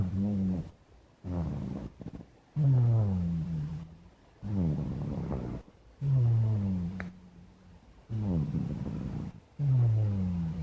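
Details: Black cat: repeated low, rattling snoring rumbles with each breath and softer sounds between, steady and relaxed.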